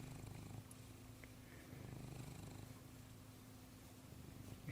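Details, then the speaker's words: Soft, steady, low purr from a female kitten being petted, with a faint squeaky, wheezy component; she also snores when sleeping, and the owner suspects a little something going on, perhaps like a deviated septum. "if you've listened to her purr then you know that her pur tends to have a sort of a wheezy component to it sort of a squeaky wheezy component you hear a little bit of that too"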